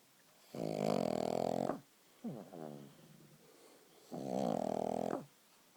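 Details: Sleeping pug snoring: loud buzzing, rattling snores on the in-breath, with a softer fluttering sound between them.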